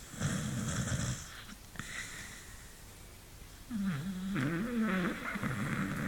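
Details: Sleeping beagle dog snoring unusually loud and long: loud, rhythmic rattling snores, some with a rising whistly, whiny tone on each breath; snoring.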